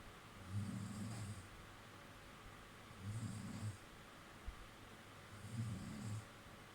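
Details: Girlfriend snoring heavily during sleep: three low, rumbling inspiratory snores about every 2.5 seconds against quiet room noise.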